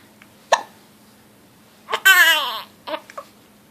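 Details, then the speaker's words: Infant with hiccups and a serious face: a sharp, brief catch of breath, then a short whimpering vocal sound and small gasps; infant hiccups. "Got the hiccups? Such a serious face."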